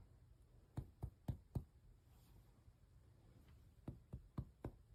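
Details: Resonant lung percussion note during a student nurse's chest assessment of a healthy adult; resonant percussion.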